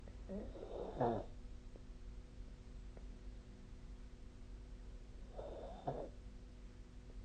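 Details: Snoring during sleep recorded with the SnoreLab app on 2024/12/12: two low, rattling inhaled snores about five seconds apart over a steady background hum.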